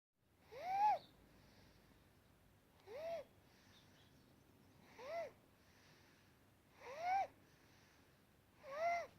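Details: Inspiratory stridor in a sleeping 9-week-old boy diagnosed with laryngomalacia at 3 weeks: a high-pitched, squeaky crowing on each breath in, about 29 breaths a minute.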